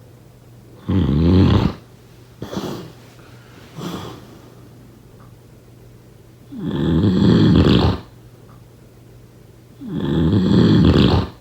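Loud, rattling snores on inhaling about every three seconds, with softer breathy exhales between, steady low room hum underneath.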